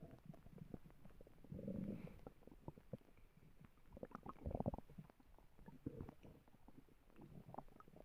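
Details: A person's own stomach growling: low gurgling rumbles and bubbly squelches come and go, with louder surges near the middle; borborygmi.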